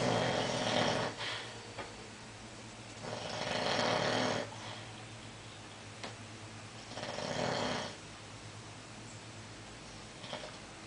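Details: Man snoring during sleep: three rasping snores at regular intervals, about 18 breaths a minute, over steady room hum; snoring.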